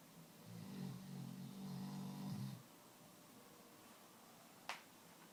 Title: my chocolate labradors snoozing/snoring